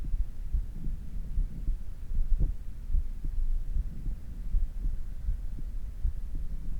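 Fast, regular low heartbeats with a steady hum behind them; normal heart sounds after exercise, settling back toward a resting rate.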